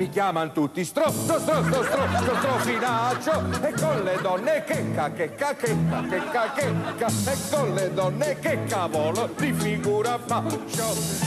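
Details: Acted stuttering: a comedian plays a stutterer in a comic sung sketch over music, from the 1982 film 'Se Parigi'; stuttering (acted).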